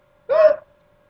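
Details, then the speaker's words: A single abrupt, short voiced gulp with a faint steady hum behind it: a hiccup during an ongoing bout of hiccups. "When I get the hiccups, it doesn't hurt that bad, but that hiccup fucking hurts."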